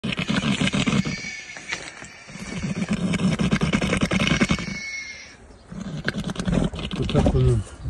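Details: Stertorous breathing in a young stallion with head trauma after being beaten by other horses: loud wheezing, mouth would not close, constant salivation, swollen head, unable to eat or drink.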